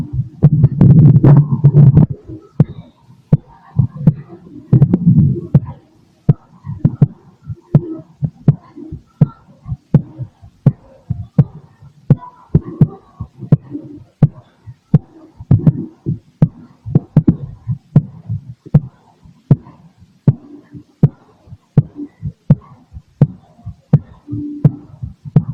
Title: MY BEATING HEART 🫀🫀🫀 #heart #heartbeat #auscultation #stethoscope